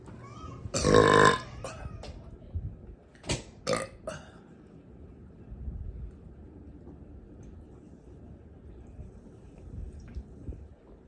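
One long, loud, rumbling belch, then a few short clicks and gulps against quiet room noise: a burp.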